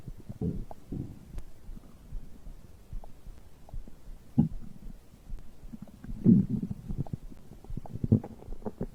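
Irregular low gurgles and rumbles from the abdomen after drinking: ordinary bowel sounds of digestion.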